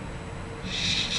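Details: Demonstrated (acted) stuttering with sound prolongation on a word-initial fricative, produced as an example before cancellation using easy onset.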